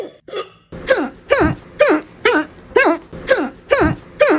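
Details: Repeated short, sharp voiced hiccups, about two a second, fairly regular; hiccups, which afterwards stop.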